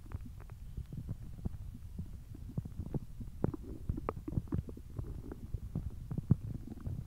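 Low, irregular gurgles and rumbles continue throughout; hunger-related stomach growling, a normal sound.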